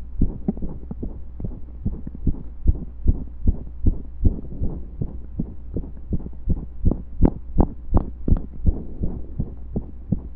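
Thumping heartbeat with an uneven rhythm and occasional pauses where a beat seems to drop out, consistent with skipped beats.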